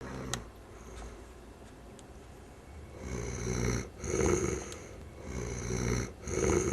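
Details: Man snoring after a music festival: noisy, fluttering snoring breaths follow a quiet stretch, coming every couple of seconds over a soft low room hum.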